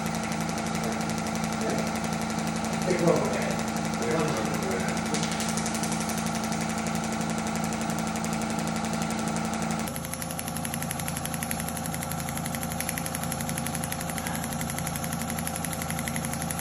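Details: Shockwave therapy device applied to treat lower back pain and improve hip mobility: rapid, steady mechanical tapping pulses, about four per second, over a constant machine hum.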